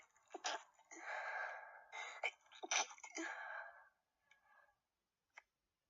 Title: Sneezes and stifles